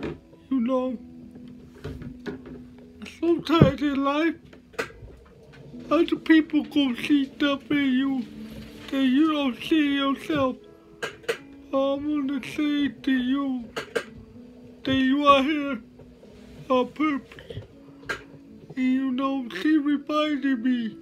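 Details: Dysarthria from cerebral palsy in a male motivational speaker.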